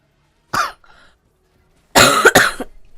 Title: Girl coughing 153